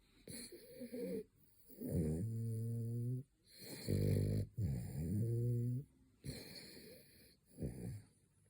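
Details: French bulldog snoring during a midday nap: loud, rattling snores with snorting breaths in and out, typical of a flat-faced dog's noisy sleep breathing.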